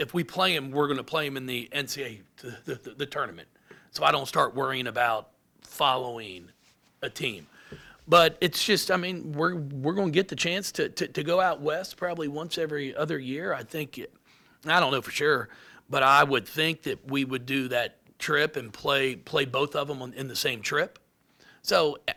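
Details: Adult man with lifelong stuttering, speech therapy from first to eighth grade, now much improved; anticipates stutters and substitutes words; stuttering.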